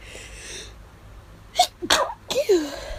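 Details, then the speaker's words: Induced, stifled allergy sneezes after hours of nasal itch: two or three short suppressed bursts with quick breaths between, then a sigh; sneezing. "Ugh. Yeah. These are getting hard to stifle."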